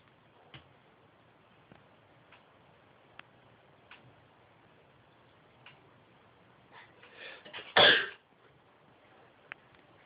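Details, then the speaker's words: Man deliberately making himself sneeze, said to sound exactly the same every time: quiet room with a few soft sniffs and catching breaths, then one loud explosive sneeze. "Everything is exactly the same. Same noise and everything. It actually does sound exactly the same every time."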